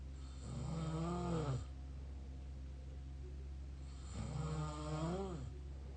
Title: mouth snore pt 2